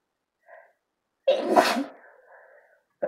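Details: One loud, explosive sneeze set off by sneezing powder (chhinkni): a short indrawn breath, then the sneeze trailing into a breathy exhale.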